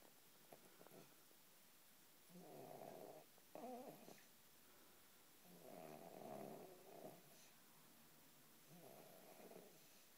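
Three low, rattling snores on the in-breath, about 18 breaths a minute, over quiet room noise.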